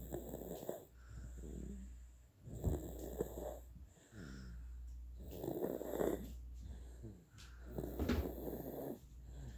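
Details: 9.5-month-old baby boy asleep, snoring and drooling: soft, rough, rattling breathing noise on each breath, about six breaths a minute; snoring.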